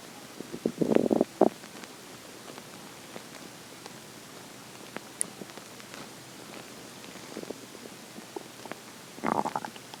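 Gurgling, rumbling stomach growls in short bursts, normal hunger-related bowel sounds.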